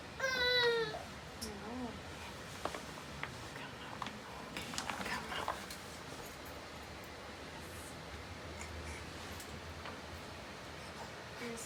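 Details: Brief high-pitched cry from a 5½-month-old baby boy with colic during chiropractic examination and treatment, then quiet room noise with faint handling sounds and a low background hum.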